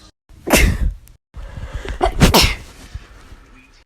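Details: A quick breath in followed by sharp sneezes, a single one then a burst of two; ordinary sneezing.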